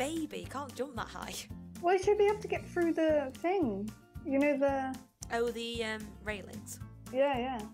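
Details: Adult speaker; normal voice.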